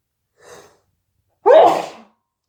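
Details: Big sneezing fit of wet sneezes into a hanky: a quick indrawn breath followed by one loud explosive sneeze.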